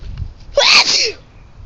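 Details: Mother sneezes outdoors in a field while gathering sticks with a young child: a single sharp, voiced sneeze over faint background noise.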